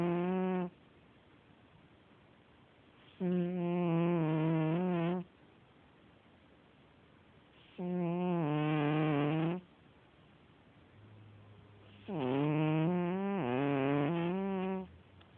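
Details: Sleeping cat snoring, recorded as audio over a still photo: loud, rhythmic buzzing rumble on each breath with quiet gaps, about 13 breaths a minute.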